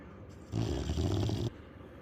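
One loud, low, rumbling snore lasting about a second, against a quiet room; a dog snoring.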